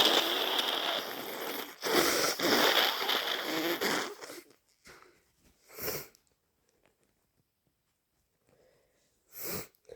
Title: Absolutely full of the cold! - 2 messy sneezes and snotty blows